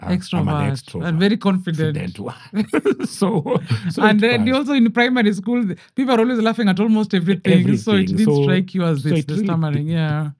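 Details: Adult speakers in conversation; typical speech.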